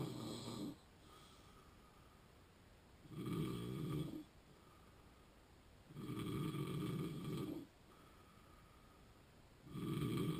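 Loud, low, rattling snores on inhalation, separated by quieter breathing, about 19 breaths a minute; snoring in a person with sleep apnea.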